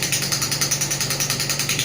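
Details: Biotronix pneumatic radial shockwave (ESWT) physiotherapy device, 0.5–12 bar, firing as power is raised and frequency lowered: loud, regular rattling bursts several per second, like a small jackhammer.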